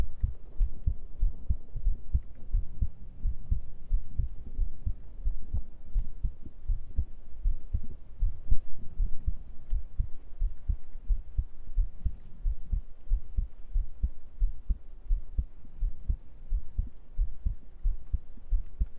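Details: Steady low thudding heartbeat in a regular rhythm of around 70 to 80 beats a minute, picked up through a close microphone during an ASMR stream; normal heartbeat.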